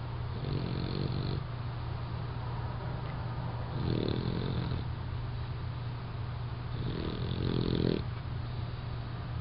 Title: Puppy Bruce, Snoring